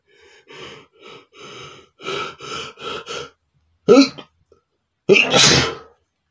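Series of soft, short sneezes, then two louder explosive sneeze bursts; ordinary sneezing.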